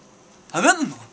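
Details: 31-year-old man with Tourette syndrome diagnosed at age 6; severe vocal and motor tics that earlier hospitalization, many medications and therapies did not help; vocal tic.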